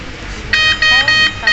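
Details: Infusion pump alarm demonstration: loud, repeating high beeps when the pump door is opened during an infusion, with the pump showing error 4.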